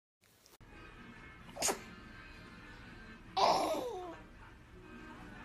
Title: Cute little sneezes # baby# babylove😍